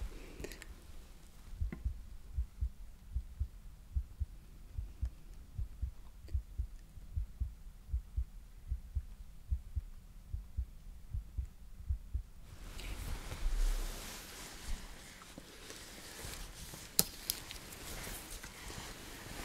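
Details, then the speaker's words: Simulated roleplay neck artery auscultation in an ocular migraine exam: steady soft pulse thumps through a stethoscope at about 75 a minute, no whooshing bruit heard. "من فقط می خواهم خیلی سریع به رگ های گردن شما گوش دهم، باشه؟"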